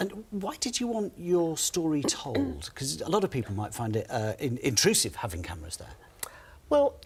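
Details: Adult man, interviewer; typical speech.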